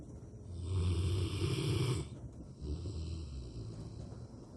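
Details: Rottweiler, a large dog, in a deep daytime sleep, giving a loud, low, rumbling snore on the in-breath, then a softer breath out; snoring.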